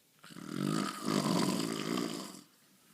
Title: And he claims that he does not snore!